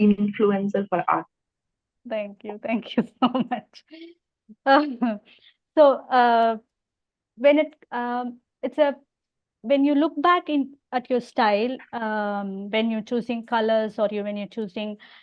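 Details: Stammering in an adult podcast host who also has hearing loss.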